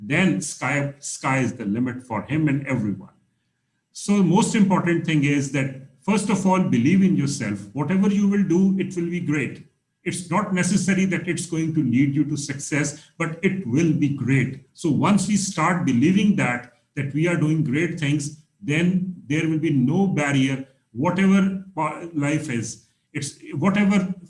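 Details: Adult male speaker; Normal fluent speech.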